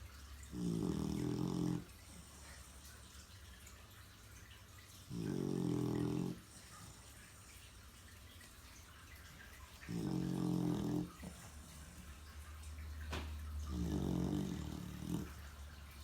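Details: Snoring in a sleeping dog, loud: rhythmic, rattling snores about every four to five seconds, roughly 14 a minute, in a quiet room.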